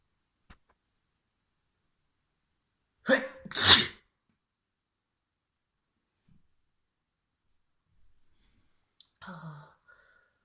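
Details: Trans girl inducing messy sneezing by tickling her nose with a fluffy white feather: two sharp sneezes close together, then a softer third burst, with quiet between.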